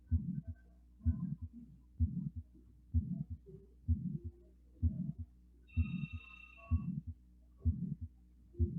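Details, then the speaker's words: A teaching-session heart recording: a regular "lub-dub" at about 64/min with a soft, leaking, water-like whoosh after each first sound. This is a systolic murmur from a leaking valve. "Nah, jadi ada suara leps dep ya, leps dep. Ada suara bocor kayak bunyi darah, bunyi kayak bunyi air yang balik lagi ke suatu bolong gitu ya, suatu tempat yang bocor gitu."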